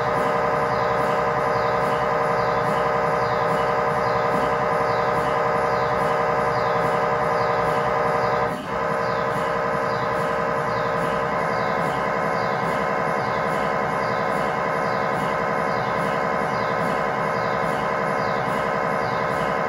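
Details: Loud, steady, rapid mechanical tapping and buzzing with a brief break, from an MRI scanner during a test tibia/fibula (lower leg) scan with a GE high-definition lower-extremity coil (stated as 8- or 16-channel), in a controlled environment.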